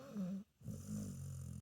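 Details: Senior pit bull mix dog snoring while asleep; a low, droning snore over two breaths with a brief gap between.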